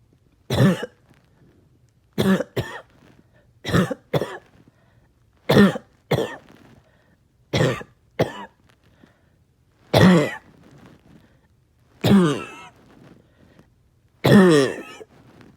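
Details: Persistent cough all day with tiredness and chest pain: repeated harsh cough bursts, often in pairs, about fourteen in fifteen seconds with quiet gaps.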